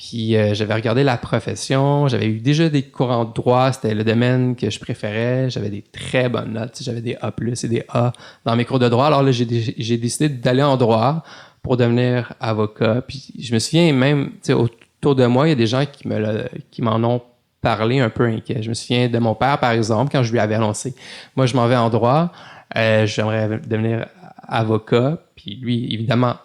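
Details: Adult male lawyer with stuttering, speaking French in a real podcast interview; stuttering.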